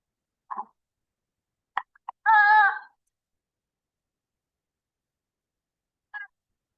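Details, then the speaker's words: Sick newborn being scored for respiratory distress, respiratory rate about 46/min, bluish lips, moderate retractions; brief voiced grunts at the end of breaths, audible without a stethoscope, expiratory grunting scored two. "Grunting is audible. Even without a stethoscope you can hear the grunting. So it is a score of two."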